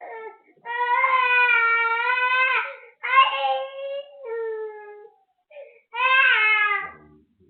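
Fussy, wailing cries in several bursts with whimpers between, from an unwell, irritable baby with a cold, mouth sores, teething and fever.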